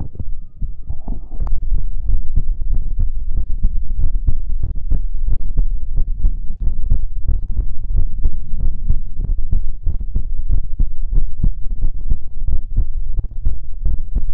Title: ASMR Heartbeat Sounds and More | Heartbeat ASMR #37